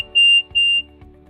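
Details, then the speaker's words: RemunityPRO infusion pump (Remodulin) alert tone: two sustained high-pitched tones in quick succession, signalling an alert during which infusion is still delivering but should be addressed as soon as possible. "When an alert is occurring, the pump plays the alert sound."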